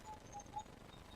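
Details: Faint, rapid, regular mechanical tapping with soft ticks from an AdipoWave radial shockwave handpiece being demonstrated: low energy 60 mJ, frequency raised to about 16, glided over the skin without pressing for superficial lymphatic drainage.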